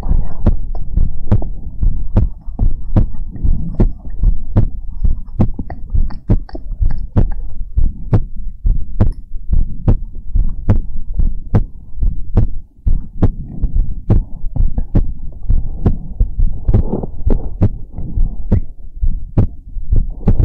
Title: ASMR Heartbeat Sounds and More | Heartbeat ASMR #27